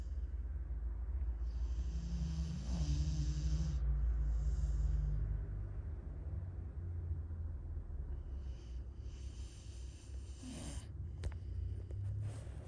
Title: Snoring sounds